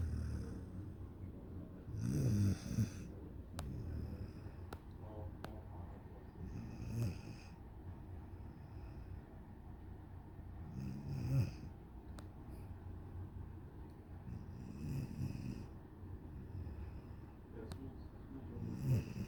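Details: One-year-old dog sleeping against the owner: low rumbling snores recurring roughly every four to five seconds, about 13 a minute, with faint room noise; a sleeping dog snoring.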